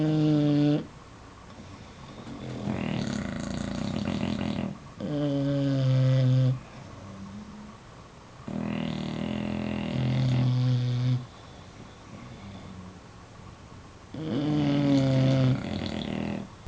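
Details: Bulldogs asleep, snoring: loud, rattling snores in a slow, regular rhythm, about four breaths heard, with quieter exhalations between.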